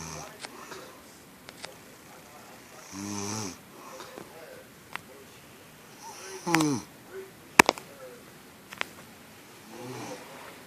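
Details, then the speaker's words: Adult woman (the uploader's mom) snoring, recorded secretly in a quiet room: a few rough, buzzing snores on inhalation, with clicks and small noises between them. "So yeah, that is my mom snoring."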